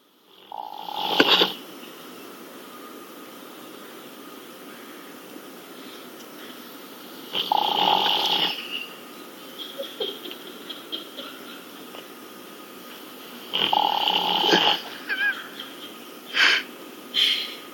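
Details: Snoring during sleep after a long day: loud, rough snores roughly every six seconds, about ten a minute, with snorting noises between.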